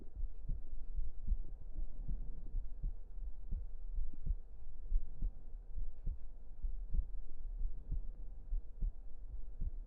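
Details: Close-up recording of a heartbeat for relaxation: steady, regular low thumps at about 75 beats a minute with a soft continuous hum.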